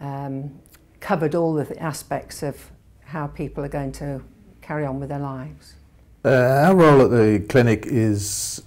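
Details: Adult woman speaking; normal speech.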